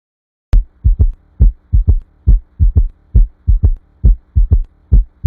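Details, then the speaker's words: Regular paired lub-dub heart sounds at about 68 beats a minute, a normal first and second sound; lub from closure of the valves leading into the ventricles, dub from closure of the outflow valves. "the Lu is caused by the closing of the valves reading to the ventricles the dub is caused by the closing of the valves leading out of the"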